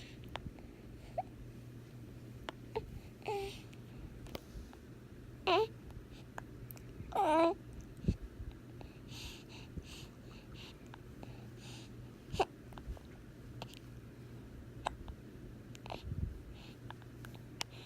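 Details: Infant hiccups: a few short, abrupt voiced catches in a quiet room with a low hum.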